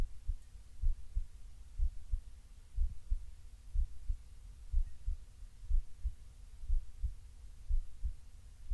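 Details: Normal heartbeat recorded while lying on the left side breathing softly: steady, regular rhythm about 60 beats a minute with clear paired thumps.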